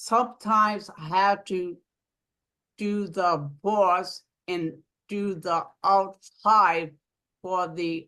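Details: Aphasia in an adult woman following a stroke; aphasia.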